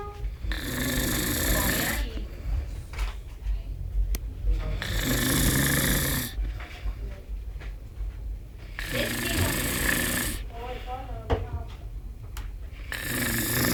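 Loud, rough, rattling snores on each breath, about four or five over fourteen seconds, with quieter gaps between. Heavy snoring.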